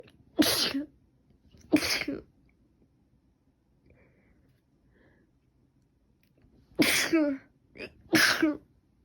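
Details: Person sneezing repeatedly since the night before, with itchy, runny nose; cold or allergy uncertain. Four sharp explosive sneezes, each with a quick intake before, in two pairs separated by quiet. Sneezing.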